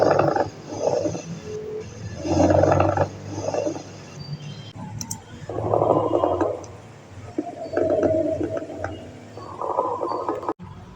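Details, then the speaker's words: Pleural friction rub: coarse, grating rubbing bursts with each breath, like two surfaces rubbing together, heard more on inspiration than expiration; linked here to pleurisy (pleural inflammation) with painful breathing. "में रगड़ जैसी आवाज होती है जैसे दो चीजों के दरमियां रगड़ से आवाज पैदा होती है यह फ्रिक्शन रब में ग्रीक लिंग साउंड पेशेंट की एक्सप्रेशन से ज्यादा इंस्पिरेशन के साथ सुनने को मिलती है"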